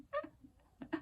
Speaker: Can you hear snoring? He's snoring.